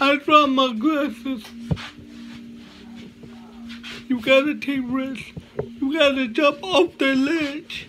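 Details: Man with cerebral palsy, which he names himself, giving a motivational talk with slurred speech: dysarthria (cerebral palsy).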